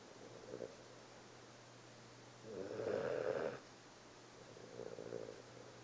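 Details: Snoring in a napping cat after a long day: soft rattling snores with breaths, the middle one longest and loudest, over low background hum.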